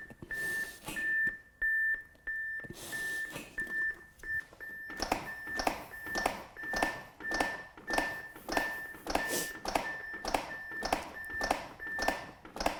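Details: Steady metronome beeps from a training AED, about 100 a minute, with rhythmic chest-compression thumps, pacing CPR right after a delivered shock and the prompt to begin CPR.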